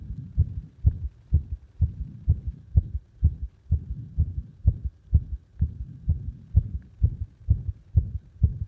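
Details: Irregular heart sounds caused by compression: fast heartbeat near 128/min with slightly uneven spacing between beats; arrhythmia.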